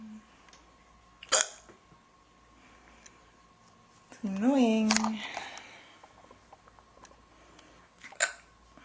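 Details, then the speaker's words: Girl with hiccups in an old recording: sudden sharp hiccups several seconds apart, one with a brief voiced squeak, in a quiet room. "hiccups. Waiting for them to be over. Because I can't do anything else until they're over."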